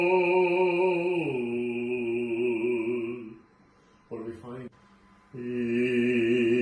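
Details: Male patient with muscle tension dysphonia after vocal physiotherapy (pelvic tilt cues, gentle transversus disengagement cues, repositioning; transversus abdominis now moves independently of internal oblique); he reported more resonance, no restriction, smoother voice; improved singing voice.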